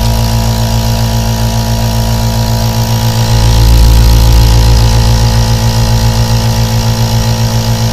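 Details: Loud, steady mechanical hum with rapid, regular pulsing from a compressor aerosol nebulizer running continuously, recorded as 3D ASMR white noise for sleep; nebulizer running.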